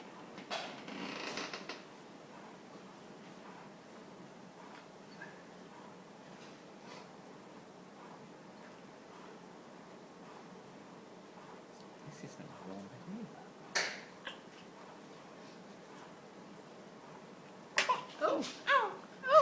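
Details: Tiny premature baby weighing 3 lb having his first big sneeze and startled by it: a quiet room with a few brief soft bursts, one a small sharp sneeze.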